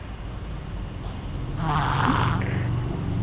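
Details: Girl aged 1 year 4 months, being babysat, who snores heavily: loud, low, rattling snore building through one breath over a steady background rumble; snoring.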